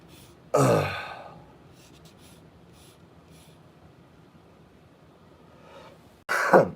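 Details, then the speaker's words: A productive cough from an adult who is sick, described as breaking up mucus in the sinuses and throat. "ough, the cough where you're like breaking up disgusting junk inside your sinuses and throat, esophagus, all that goodies, all the good stuff, you know."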